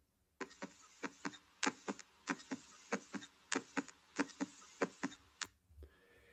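Regular paired lub-dub heart sounds at about 95 beats a minute, with no extra sounds or murmurs: normal first and second heart sounds.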